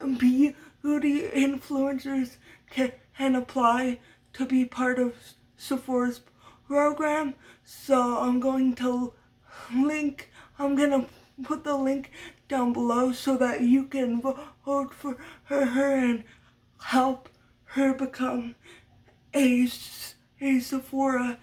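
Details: Adult woman with a lifelong stutter she attributes to muscle tightness from cerebral palsy (brain damage as a baby); has had speech therapy; uses techniques but will always stutter; stuttering.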